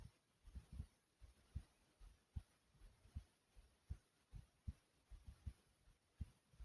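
Deep, thumping lub-dub heartbeats at roughly 75 beats a minute, with faint room hiss behind them.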